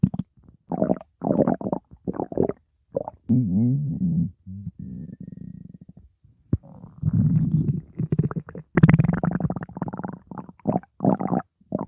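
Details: Stomach growling: loud gurgling and low bubbling rumbles in bursts with drawn-out tonal growls; ordinary bowel sounds (borborygmi).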